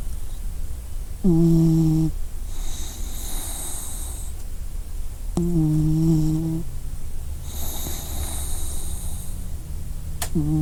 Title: Dog Snoring Sound Effect